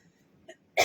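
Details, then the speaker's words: An adult woman with a badly hoarse throat and repeated coughing, speaking during a live video, gives a faint throat sound followed by a single sharp, loud cough burst. "আমার গলাটা প্রচন্ড বসে আছে বারবার কাশি হ"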